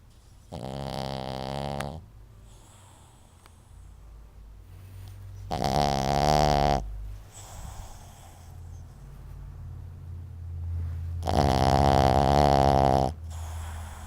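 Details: Small, cute sleeper snoring surprisingly loudly: three loud, rattling snores about five seconds apart with quiet breathing between; ordinary snoring.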